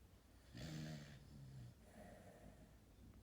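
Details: Sheep snoring: a single long, low rattling snore on an in-breath, followed by a quieter breath.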